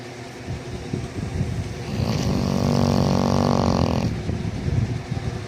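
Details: Dog named Flame snoring while asleep: one drawn-out, buzzy snoring breath of about two seconds over a low background rumble.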